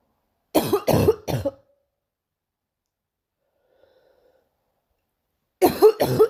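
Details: Girl coughing: two runs of sharp, loud coughs, three then two, separated by silence.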